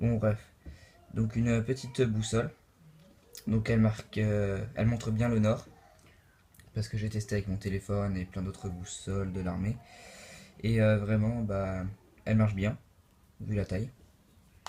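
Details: Adult male speaker; normal voice.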